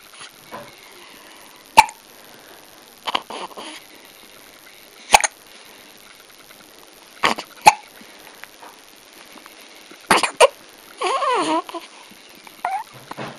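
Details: Cat (Max) with hiccups: several sharp, abrupt gulping bursts at irregular intervals over about 13 seconds, with quiet stirring between them; hiccups.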